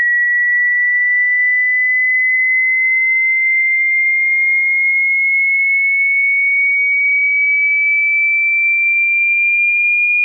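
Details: Hearing test sweep played through speakers at medium volume, a steady pure tone rising slowly from low to high pitch to check the listener's audible range.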